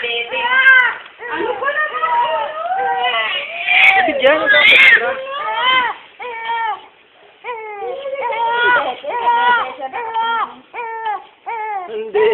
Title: crying baby